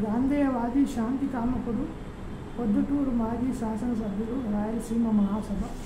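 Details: Adult man reading aloud; Puberphonia.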